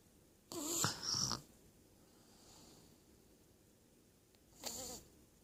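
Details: Sleeping young girl snoring lightly: soft, hissing, snorting breaths a few seconds apart in a quiet room.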